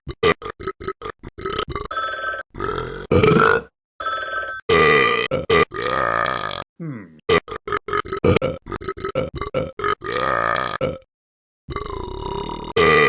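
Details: A run of long, loud, croaking belches in bursts with short pauses; deliberate burping.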